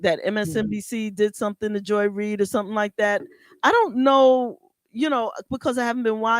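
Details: Adult speaker; ordinary speech.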